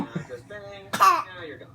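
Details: 10-month-old baby with hiccups: brief voiced sounds, then one abrupt rough throat-clearing burst trailing off into a voiced sound.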